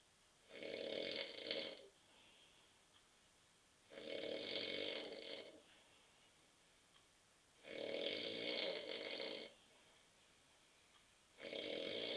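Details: An adult man asleep on a sofa after drinking too many beers snores loudly and raspingly on each in-breath, about every 3.5 seconds, with quiet out-breaths between.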